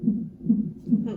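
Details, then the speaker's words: Fetal heartbeat on a fetal monitor during labour: rhythmic whooshing pulses at about 140 per minute, with the mother having painful contractions. "You can hear heartbeat in the background."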